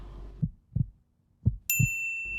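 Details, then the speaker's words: Normal heartbeat heard through a stethoscope in a children's science show about the heart: four low thumps in two lub-dub pairs, then a bright chime; a regular heartbeat. "หูฟังเหมือนขึ้นมาแบบนี้จะช่วยให้เราได้ยินเสียงหัวใจชัดขึ้น"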